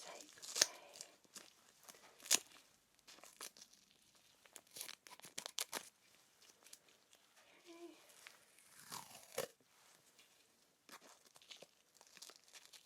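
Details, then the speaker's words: Quick tearing and crinkling of tape with soft handling noises as tape is torn and pressed onto a dressing after a simulated lymph node biopsy; acted ASMR roleplay. "so let's get you a dressing on nice and comfortable going to fix it with some"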